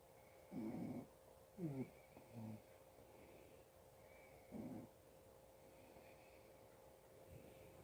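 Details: Adult father snoring in sleep: several low, rough, rattling snores separated by quieter breathing, with steady room hum.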